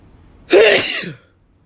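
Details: A single sudden explosive burst of air lasting under a second; sneeze.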